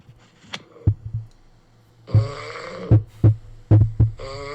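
Loud, rough snoring with deep rattling bursts and harsh noisy stretches in irregular rhythm.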